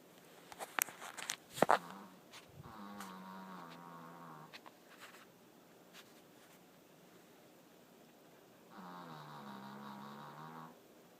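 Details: Female dog snoring with an unusual sound: two drawn-out, vibrating, whistly snoring breaths in a quiet room after early clicks and rustles.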